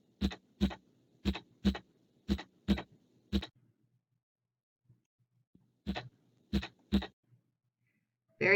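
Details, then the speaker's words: Normal heart sounds: regular paired lub-dub S1 and S2 at about 60 beats a minute, valves opening and closing. "so when you're thinking about those normal heart sounds valves opening and closing"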